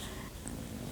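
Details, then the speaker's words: Little young dog sleeping in the afternoon sun, snoring very loudly in the background: a brief low, rumbling, purring-like noise; snoring. "sorry the snoring in the background the snoring dog if you can hear snoring the snoring dog is lying in the afternoon sun having a lovely sleep the little baby dog tess tess is sleeping snoring very loudly"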